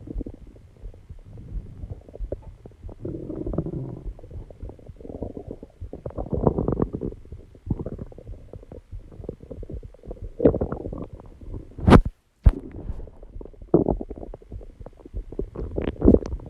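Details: Stomach growling recorded after exercising and calming down, alongside heartbeat and heavy breathing; long run of gurgling, bubbling rumbles with a couple of sharp knocks; borborygmi.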